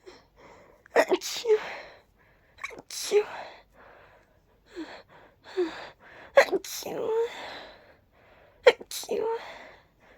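Four sneezes in a row, each a sharp in-breath followed by a voiced "achoo". Quiet room.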